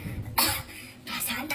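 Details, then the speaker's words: A child gives two short, dry, acted coughs, with a third just starting, in a quiet room, as part of a comedy skit: cough. "Batuk? Enggak. Tuh, kan bener batuk."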